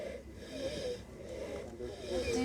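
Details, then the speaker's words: Young rhinoceros in Kenya with pneumonia, the first rhino pneumonia case treated there: harsh, rasping, labored breaths with snore-like rattles and high whistling tones. "o that's why you can hear his breathing is not all that good."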